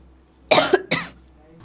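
Two brief, sharp cough bursts in quick succession from an adult, with low room hum in the background; an ordinary cough.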